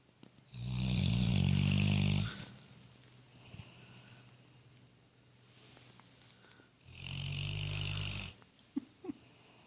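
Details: Fast asleep and snoring: loud, low, rattling snores on two breaths, each lasting over a second, with quiet breathing between them.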